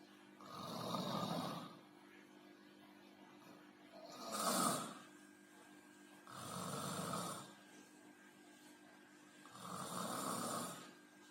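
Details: Snoring during sleep, attributed to exhaustion: four rough snoring breaths in about 11 seconds, roughly 20 breaths a minute, with a soft steady hum behind.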